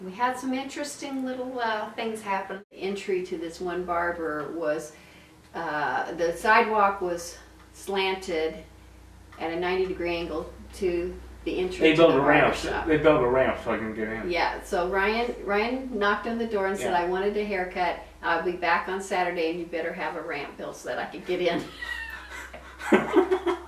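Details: Adult speaker; ordinary speech.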